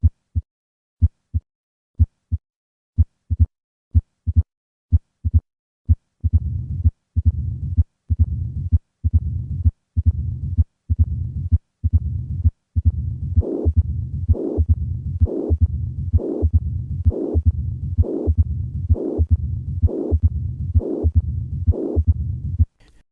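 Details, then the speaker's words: Combined mitral stenosis and mitral regurgitation heard on auscultation, presented again for comparison. "Listen once again to combine mitro stenosis and"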